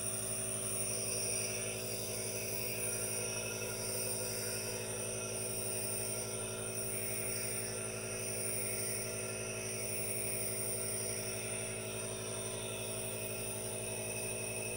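Steady mechanical hum with even hissing and a fast rattling pulse throughout: a nebulizer compressor running normally.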